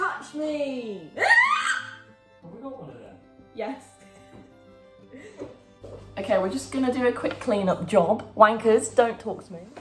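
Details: Young woman with Tourette syndrome producing real, involuntary vocal tics; vocal tics (Tourette syndrome).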